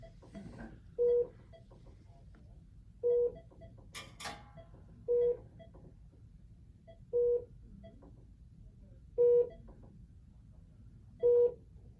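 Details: Short identical beeps about every two seconds as entries are keyed into a Philips bedside patient monitor during a training demonstration of admitting a patient; quiet room; monitor key beeps.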